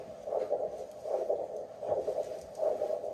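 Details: Doppler probe over an arm artery of a person with big arms, during tourniquet testing by a paramedic: rhythmic whooshing pulses about 77 a minute with faint background hiss; baseline arterial pulse.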